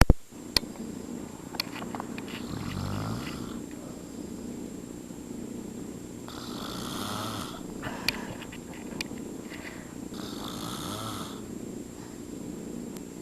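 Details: Adult man (step-dad) snoring in sleep, low rumbling snores on inhalation with breathy exhalations, about four to five breaths a minute; snoring.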